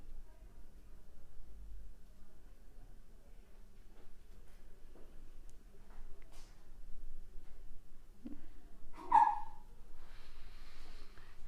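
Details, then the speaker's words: In a quiet room, a single brief, high-pitched squeaky burst with a short breathy tail: a small dog's sneeze. "you just hear that squeak that was ryan sneezing cute"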